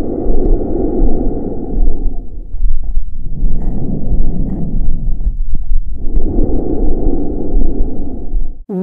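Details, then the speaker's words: Male patient reassessed after racemic epinephrine by respiratory therapy, oxygen saturation restored to 97%: loud, hollow breath sounds over the airway with a brief pause between breaths, normal bronchial breath sounds. "the answer is a normal bronchial breast sounds so after administration of oric Epi from the RT his oxygenation was restored with the oxygen saturation of 97%"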